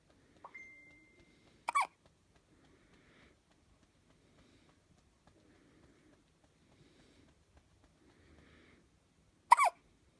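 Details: Hiccups at 17 days old: two sharp, squeaky, toy-like hiccups about eight seconds apart, each a short abrupt catch, in a quiet room.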